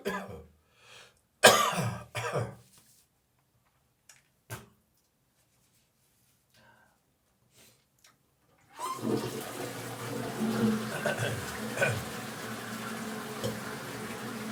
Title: Dry morning cough, gagging and spitting